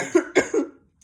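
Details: Adult woman with an intense, persistent cough and little sleep while detoxing and doing a 48-hour fast: three harsh, forceful coughs in quick succession, then quiet.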